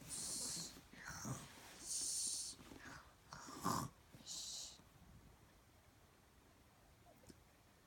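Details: Child fake snoring on purpose; exaggerated hissing, snorting breaths, not true snoring.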